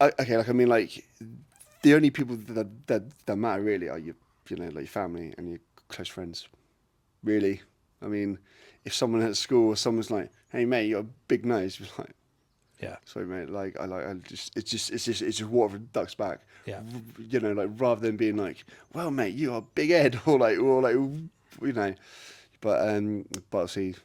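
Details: Adult man with a lifelong stutter; a speech therapist linked it to brain-to-mouth-muscle signalling, breathing and speech timing: stuttering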